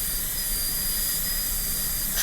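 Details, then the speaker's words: Continuous high-pitched whine with hiss from a high-speed dental handpiece cutting a lower-arch Class II #30 MO preparation on a typodont model tooth in a teaching demo; extending outline into grooves, preserving triangular ridges. "So now I just want to make sure that all the walls are the same height as the burr. I'm preserving the triangular ridges between the grooves, but extending into each of those grooves and making a nice, smooth, flowing outline."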